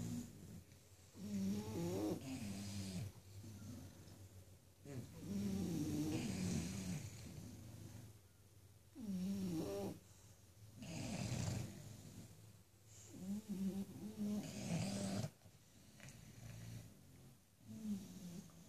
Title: The bulldogs gently snoring.